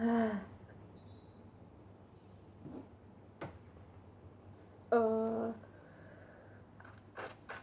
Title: Sneezing Induced by Dust Again